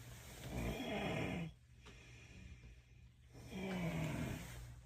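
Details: Several sleepers snoring in a small room, with loud, rough snoring on the in-breaths and quieter pauses between; a listener says it sounds like three different levels of snoring. Snoring.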